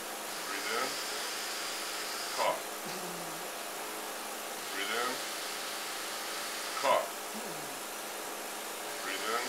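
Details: Steady machine blowing with periodic whooshes and short rough bursts every few seconds; mechanical cough assist clearing the lungs of a 23-year-old man with Duchenne muscular dystrophy, told to take deep breaths.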